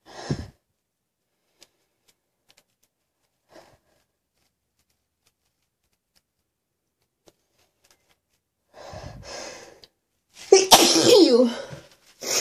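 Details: Faint sniffs and breathy nasal sounds, then a loud explosive burst with a trailing voiced sound near the end: sneezing, one of four sneezes in the recording.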